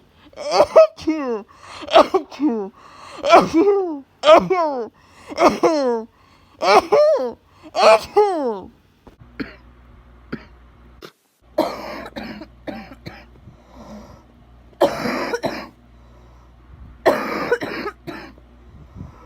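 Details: Patient who tested positive for influenza A after an ER visit, with high fever, body aches, runny nose and congested coughing. About seven harsh, voiced coughs in a row, then sniffling and throat clearing in a quiet room.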